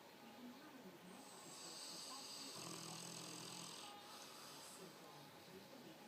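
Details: A long, hissy, whistling breath with a low rattle in the middle over steady room noise, from a sleeping dog; loud snoring.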